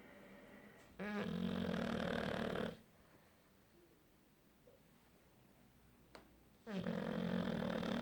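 Two loud, rough, rattling snores on breathing in, separated by a quiet pause; ordinary snoring.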